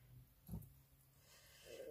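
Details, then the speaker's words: An adult woman's stomach gurgles, which she says happens as usual: a brief, low gurgling rumble rising out of a quiet room hum, stomach rumbling (borborygmi). "vous entendez c'est mon ventre qui gargouille comme d'habitude"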